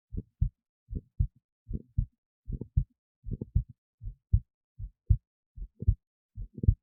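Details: Own heartbeat recorded with an esophageal stethoscope resting in the esophagus near the heart, with EKG: clear, regular paired lub-dub at about 77 beats a minute; normal heart sounds.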